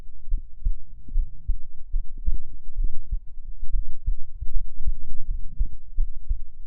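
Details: Recorder's own heartbeat, recorded as heartbeat ASMR: steady, deep, muffled, low paired thumps at around 80 beats a minute: normal heartbeat.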